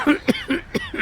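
Two or three short, sharp, voiced coughs from a child in quick succession in a small room; an acted cough.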